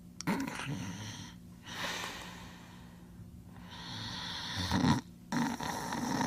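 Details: Max asleep on a recording labeled voice over: slow, noisy in-and-out breaths with a low rattle and snort, about two cycles in six seconds, possibly an acted imitation; snoring.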